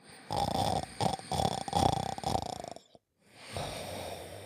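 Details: Cartoon character sleeping, from an animated-series soundtrack: rapid, rattling, wheezy snores, then a brief pause and quieter breathing; staged snoring effect.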